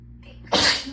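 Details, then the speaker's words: Single sharp sneeze after a brief breath in, against background hum; part of a sneezing fit brought on by getting cold after the hot water ran out. "okay hold on i might just have to get the sneezes out first and then talk"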